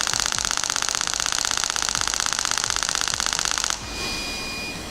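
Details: Radial (compression) shock wave device firing regular mechanical clicks at about four shots per second for nearly four seconds, then stopping; device malfunctioning, occasionally missing shots, bullet likely worn out.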